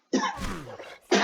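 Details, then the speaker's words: Adult man gives a short rough cough or throat clear, brief voiced burst with scratchy noise, in a mildly unwell voice, while talking; cough he had been trying to hold back. "now i'm not one to have all that okay i gotta cough i'm sorry guys i was trying to fight through that but it was coming it was coming whether i"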